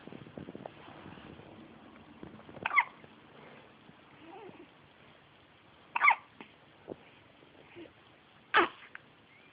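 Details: Baby in a diaper with repeated hiccups while pooping: three sharp, abrupt hiccups about three seconds apart over a soft, muffled background.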